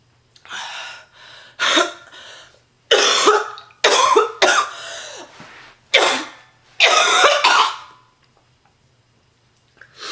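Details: Repeated forceful, harsh, deep coughs in a near-continuous fit with brief pauses, from a sick heavy-smoking woman, real and not acted; smoker's cough.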